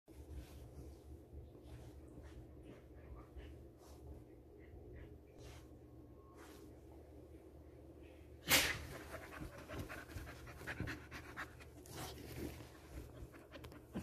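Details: Dogs visiting before bedtime after hours of playing outside: quick, soft, rhythmic dog panting with a clatter partway through, in a quiet room.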